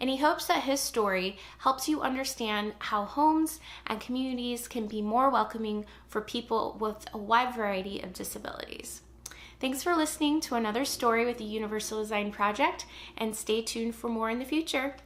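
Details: Adult woman speaking; typical speech.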